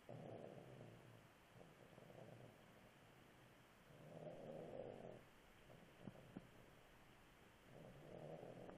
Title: Snoring panda